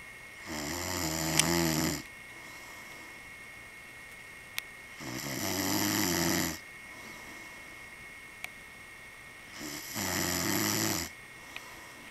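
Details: Person snoring: loud, rattling snores on each breath in, about 13 a minute, with quiet pauses between.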